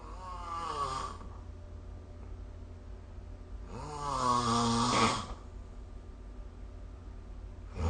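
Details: Snoring recorded with the SnoreLab phone app: two long, loud rumbling snores on breathing in, with a quiet pause between; ordinary snoring.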